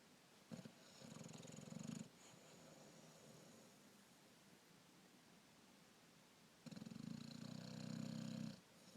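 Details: Asleep lying on top of the person recording, snoring heavily: two loud, low, buzzing breaths separated by quieter breathing.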